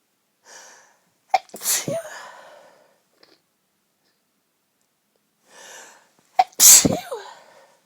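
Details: Two female sneezes, each preceded by a quick in-breath and followed by a short trailing breath, one of many sneezes.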